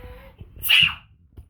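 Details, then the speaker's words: Fake, imitated sneeze by a granddaughter that sets the dog off: one sharp, hissing sneeze burst with a brief in-breath before it. "the dog does not like it when somebody sneezes is she okay bless you jasmine"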